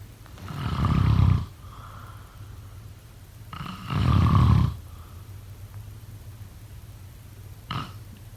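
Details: Two long, low, rumbling snores about three seconds apart, then a brief weaker snort, over steady room hiss; sleep snoring.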